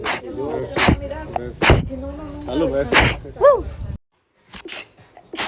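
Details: Quick run of about six sharp, rapid sneezes with short vocal sounds between them, from a person: sneezing.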